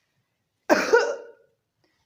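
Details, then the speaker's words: Adult doctor imitating a cough that brings pain anywhere in the body (knee, arms, chest) with each cough: one harsh cough burst in a quiet room, then the start of a second. Simulated. "अगर इस तरह की खांसी हो जिसमें बॉडी में कहीं भी दर्द उठे खांसी के साथ, तो इस तरह की खांसी के लिए मेडिसिन होती है होम्योपैथी में कैप्सिकम, कैप्सिकम कैप्सिकम CAPSICUM।"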